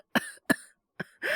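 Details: Simulated cough by a male voice actor playing a boyfriend with a cold and high fever, back from a business trip: three short, harsh coughs followed by a strained breath.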